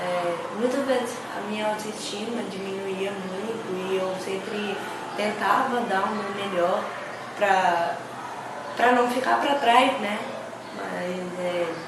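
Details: Adult man with hearing loss from birth; speech of a deaf speaker (congenital hearing loss).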